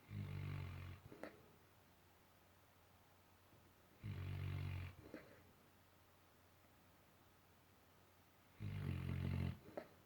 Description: Mac the dog snoring and bubbling